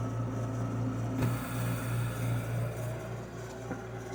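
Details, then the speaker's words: Invacare home-fill oxygen compressor filling a cylinder at just over 2000 PSI, wattage barely changed: steady low motor hum with a faint rattle. "we're just over 2 000 PSI right now funny enough it didn't actually change the uh wattage very much"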